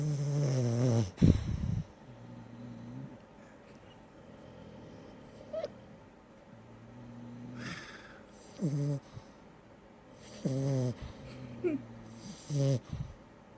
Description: Funny snoring French Bulldog